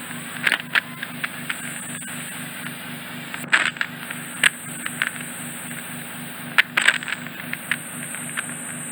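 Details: Ear wax microsuction in a traumatised ear: steady suction hum and hiss with sharp crackles and pops as wax passes through; eardrum then fully visible, possibly slightly retracted, with some peripheral wax left for another instrument.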